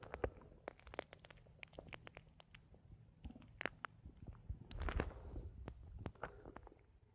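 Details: An adult's own stomach: irregular gurgles, clicks and low rumbles; ordinary bowel sounds (borborygmi).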